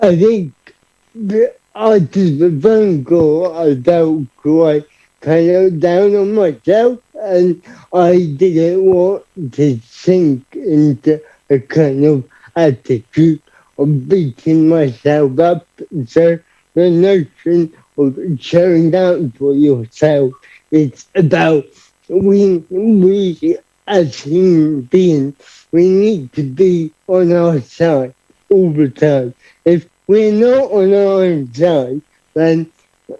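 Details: Adult man, about 30, living with cerebral palsy, who describes his own speech impediment as part of his condition: dysarthria (cerebral palsy).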